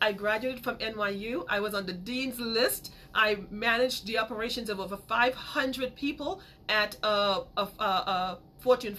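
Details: Adult woman with a major speech impediment since childhood who still stutters sometimes; stuttering.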